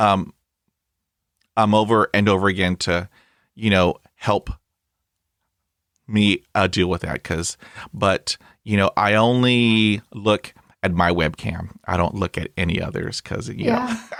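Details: Adult man who stutters, a podcast host; this stretch has repetitions; stuttering.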